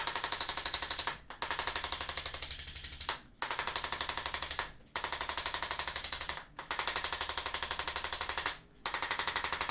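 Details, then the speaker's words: Loud, rapid mechanical tapping, about four taps a second, in roughly two-second bursts with short pauses, from a handheld arthrostim chiropractic adjusting instrument on a runner with ankle pain training for a half marathon. "today we're going to use the little gun it's going to get a little loud"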